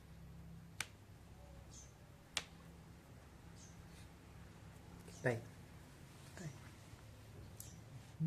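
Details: About five sharp, isolated pops as a person's arm and leg joints are cracked, over a low steady room hum.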